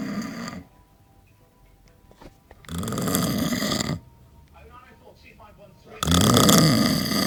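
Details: Heavy snoring after eight pints of Stella lager: loud, harsh, grunting snores about every three seconds with quiet breathing between, likened to a farm animal.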